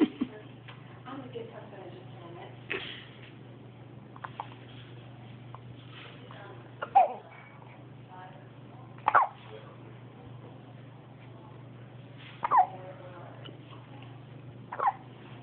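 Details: Baby with hiccups, recorded on an Android phone: four abrupt little hiccups about two to three seconds apart, against steady room hum and faint babble.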